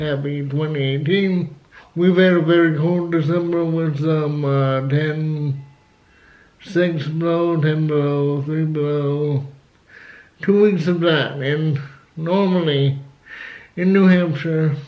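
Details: Adult man with cerebral palsy who had to learn to talk, also has asthma and says flu almost killed him; dysarthria due to cerebral palsy.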